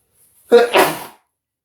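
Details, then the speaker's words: A self-induced sneeze from sniffing black pepper in a bathroom, after a cough: a short voiced intake, then a sharp, hissing burst of air. "I'm in the bathroom, so I'm gonna make myself sneeze with black pepper in the bathroom."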